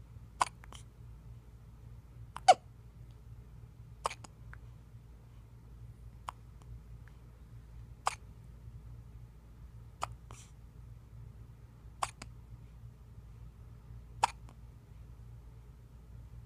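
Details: Eight short, sharp hiccups in about sixteen seconds, roughly thirty a minute, in a quiet room; ordinary hiccups in a 2½-week-old baby who is otherwise doing well.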